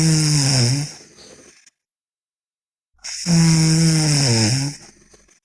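Two loud, rough, rattling snores on breathing in, separated by a silent pause; heavy snoring.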